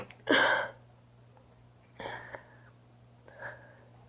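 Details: Person who can't stop sneezing, cause unknown; one loud, sharp sneeze followed by two softer sneeze-like bursts in a quiet room; repeated sneezing.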